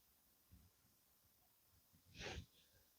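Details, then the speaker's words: A single rough, snorting breath from a tired English Springer Spaniel sleeping in a quiet, insulated van, an ordinary snore. "Bon, je sais pas si vous entendez mais mon chien ronfle [rires] mon beau pitou. Ouais, il est fatigué."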